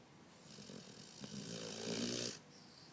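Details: Snoring: one breathy, fluttering snore on the in-breath, rising in loudness before it stops.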